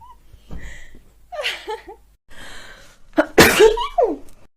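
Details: Girl sneezing, tagged allergies and sinuses: quick inward catches of breath building up, then one loud, explosive sneeze followed by a short vocal release.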